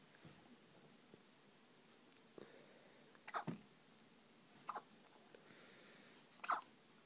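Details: Newborn baby boy, nearly 24 hours old, in hospital with hiccups: short, sharp catches in breath about a second apart, a few in a row, in a quiet room.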